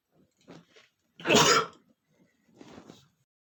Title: sneezing male #19 (SNEEZING ATTACK!)